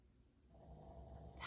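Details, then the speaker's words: A tired pet dog snoring in the background while someone reads aloud. "I keep getting distracted and if you guys can hear can you hear that snoring in the background"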